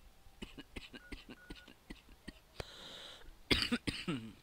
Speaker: Oh god, I got a cough again. I'm trying not to cough. I'm holding it back with all my hurt.